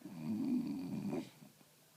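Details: One drawn-out, low, rattling snore fading into quiet breathing in a small room; snoring.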